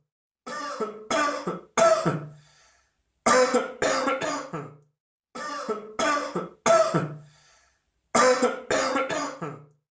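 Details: Cough sound.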